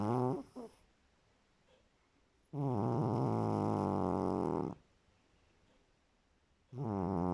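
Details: Long, loud, buzzing snores on each breath, about two seconds each with quiet pauses between; snoring.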